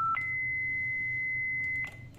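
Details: A Philips Efficia DFM100 defibrillator under operational check with a suspected defective HV capacitor, set to 150 J: a brief lower beep, then a steady high charged tone, ending in a click as the shock is delivered.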